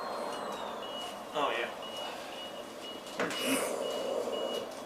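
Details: Wheelchair-mounted ventilator of a mouthpiece-ventilation user: steady, evenly spaced short electronic beeps under room noise and brief voices, as a ventilator alarm sounds while the tubing is checked after a circuit disconnection.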